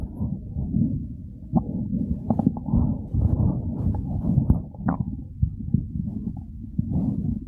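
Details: Real hunger-phase stomach growls: continuous low gurgling and rumbling with scattered squeaks and pops; normal hunger borborygmi.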